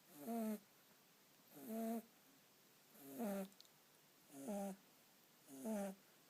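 Soft, regular snores about every 1.2 seconds, roughly 45 a minute, each with a brief nasal whistling tone; a sleeping kitten snoring.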